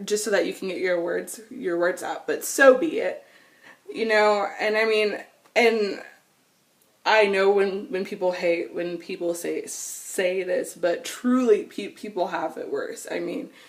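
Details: Adult woman who has stuttered since she began talking in childhood and still stutters; nervousness, excitement or anger intensify it and phone calls make it far worse; stuttering.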